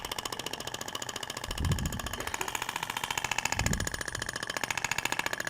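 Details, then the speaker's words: Radial shock wave (ESWT) applicator moved zigzag over abdominal tissue, avoiding rib prominence and scar, tissue visibly vibrating: rapid, steady mechanical tapping pulses with faint background voices. "segue visualizar a propagação da onda você vê que até o tecido vibra né Na hora que você tá aplicando deposita o peso do aplicador na P"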